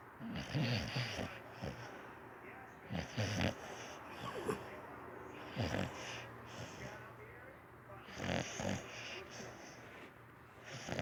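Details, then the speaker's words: Snoring from a sleeping dog: soft, irregular snorting breaths at about 25 a minute over room noise. "She is really snoring. She over here getting it in her sleep, boy."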